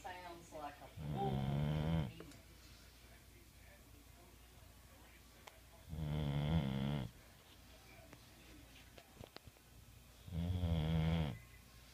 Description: Psycho Path, my bulldog, sawing major logs...